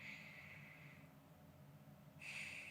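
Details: Lungs heard through a stethoscope during a real-person ASMR exam by a nurse practitioner as the patient takes deep breaths on request: two soft, airy breaths, in and out, with low room hum; normal breath sounds, no wheeze.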